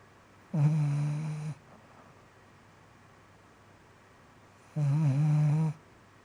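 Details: Two long, loud, low rattling snores about four seconds apart in a quiet room; snoring.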